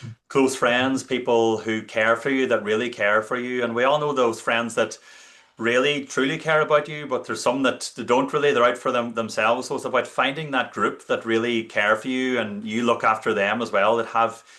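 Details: Adult man speaking; normal fluent speech.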